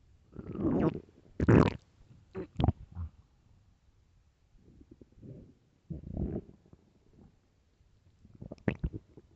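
Low, drawn-out gurgling growls and groans with bubbly bursts; loud stomach growling of hunger.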